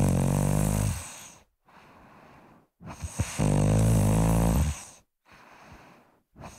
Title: Snoring - Sound Effect (HD)